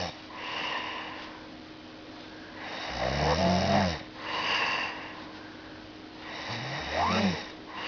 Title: Is that snoring i here?!?!?!